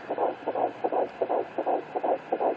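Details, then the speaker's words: Third pregnancy at 11 weeks 2 days, home fetal Doppler, baby on the left side: fast, regular whooshing washing-machine-like fetal heartbeat at about 150s–165 beats a minute. "This is baby number three. If you can hear it, that is the sound of the little washing machine."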